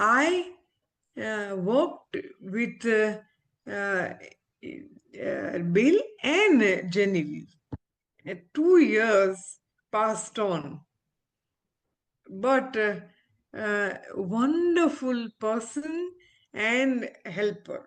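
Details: Aphasia in an adult female ophthalmologist following a stroke, currently recovering her speech with a speech-language pathologist; real patient.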